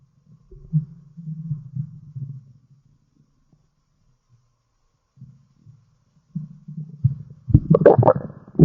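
Low gurgling, rumbling stomach growls in bursts separated by quiet gaps, ordinary bowel sounds.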